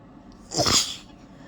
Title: trying desperately to hold back wet sneezing fit